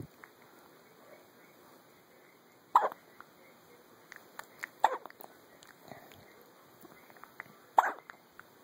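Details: Morning hiccups in a baby girl who is smiling: several abrupt, short, sharp catches, irregularly spaced, over a quiet background with soft voices.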